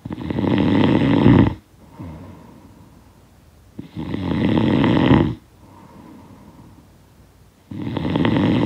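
Loud, rasping snores on each breath in, about three in nine seconds, with softer breaths out between; ordinary snoring.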